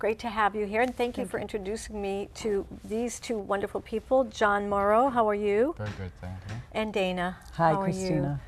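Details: Adult women and a man in conversation; normal conversational speech.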